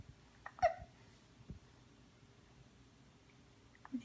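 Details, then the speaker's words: 12-week-1-day-old baby boy with hiccups near bedtime while held upright doing supported squats; quiet room with soft, abrupt chirping catches typical of infant hiccups. "yeah huh yeah with the hiccups that's okay"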